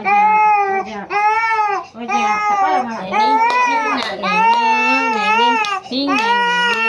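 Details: Loud, sustained infant crying in rhythmic wails, about one cry a second with no calm breaks, during traditional baby massage for a sprain, cough, cold and fever; vigorous crying.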